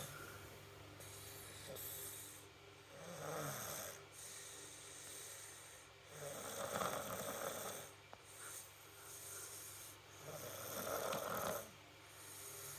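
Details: Rhythmic rough, fluttering breathing noises, about 5 breaths a minute, over steady room hum; snoring.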